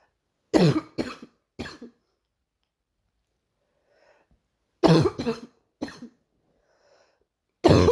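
Three bursts of loud, harsh coughing, each of two or three coughs, separated by quiet pauses; an adult's morning coughing.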